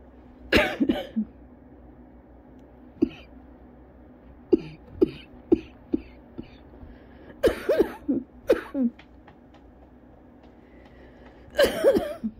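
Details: Adult with cough variant asthma is still in a coughing fit at home after a cold outdoor run and after using an inhaler, and feels lightheaded. Repeated forceful coughs come in bursts and short runs.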